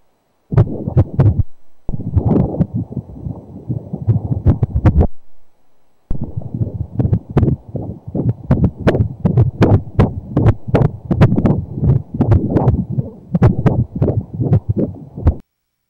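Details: Rapid, rhythmic whooshing pulses at about 150 beats a minute from a male fetus at 31 weeks during a 3D ultrasound scan; normal fetal heartbeat.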